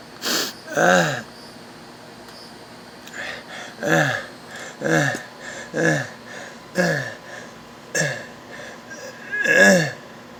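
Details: Stridor in a child: repeated harsh, high-pitched musical breath sounds from a narrowed upper airway; the child then says they can't breathe.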